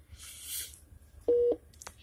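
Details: Philips IntelliVue MP20 multiparameter patient monitor (ECG, heart rate, pulse, respiration, non-invasive blood pressure): a single steady electronic tone about a quarter second long over faint room noise; patient monitor beep.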